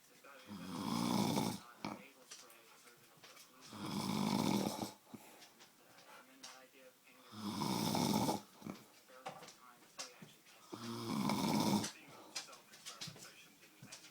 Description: who is this snoring